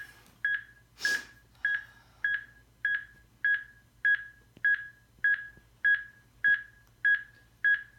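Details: Steady, evenly spaced electronic beeps at about 100 a minute from a borrowed AED during a demonstration on a live volunteer, pacing chest compressions during CPR; AED CPR metronome beeps.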